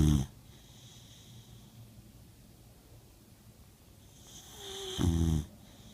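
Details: Two brief low snorting snores separated by a quiet pause, typical of a sleeping animal snoring.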